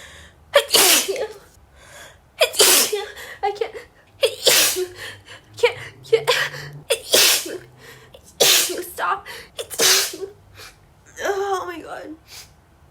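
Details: Female in a sneezing fit she cannot stop after warning she would sneeze: a run of about six forceful sneezes with sharp breaths between, ending in a voiced gasp.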